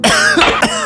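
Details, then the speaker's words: A few short, harsh, acted cough bursts from an adult over steady background music, in a cough syrup advertisement; a simulated cough. "been folded it's just a cough hey this is enough it's just a cough it's never just to cough"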